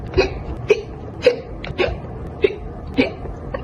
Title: Girl gets hiccups from soda